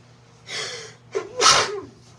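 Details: A sharp in-breath, a catch, then one loud explosive sneeze in a quiet room while reading a book aloud; an ordinary single sneeze.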